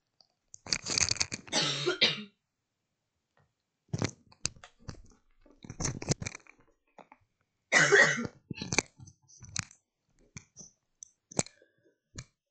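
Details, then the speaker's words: An ill adult coughs about three times, two close together and one later, with quiet clicks between; cough. "Sebelumnya saya mohon maaf ya karena memang saya sedang sakit, jadi mungkin bikin videonya juga agak-agak berat suaranya dan memang sedang batuk juga. Jadi mohon maaf kalau misalnya terdengar suara batuk ya."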